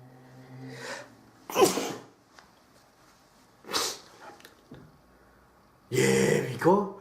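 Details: Several sharp explosive sneezes, some with a drawn-in breath before, ending in a loud sneeze with voice; ordinary sneezing.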